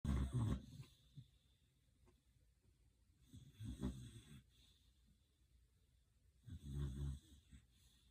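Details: Pitbull snoring asleep through motorcycle rally noise: three deep, rumbling snores about three seconds apart, with quiet breathing between them; ordinary snoring.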